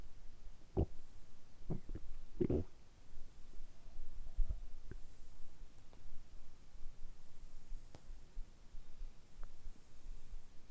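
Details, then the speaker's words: Deliberately produced stomach rumbling by an adult man in a quiet room; scattered short low gurgles and a few soft pops against room hiss, brief borborygmi. "今日は単純にお腹を鳴らすだけの動画をお届けしたいと思います。だいたい10分ぐらいずっとお腹を鳴らし続けたいと思いますので、その時のお腹の音をお楽しみください。"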